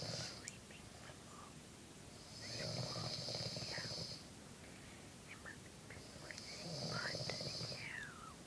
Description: While I'm trying to get some sleep, my mom decides to snore... And I can't get any sleep